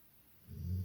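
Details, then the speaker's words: A dog next to the speaker: a quiet pause, then a low, rumbling snore beginning mid-breath and building in loudness; snoring. "si vous entendez ronfler c'est normal c'est mon chien juste à côté"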